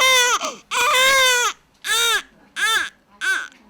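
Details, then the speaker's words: Newborn crying in five rising-and-falling wails separated by brief breaths, from a baby-care expert segment on recognising a baby's needs from its cry; infant crying. "Bir bebeğin sadece ağlamasını duyarak neye ihtiyacı olduğunu bilen bir usta. Efendinin bebeğin ağlamasının bir dil gibi geldiğini düşündüğü söylenir."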